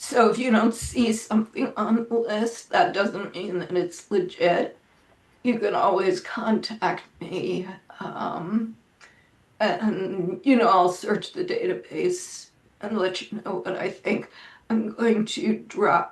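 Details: Adult woman with spasmodic dysphonia that she says causes her voice to sound this way; it varies day to day and she reports today is not a particularly good day.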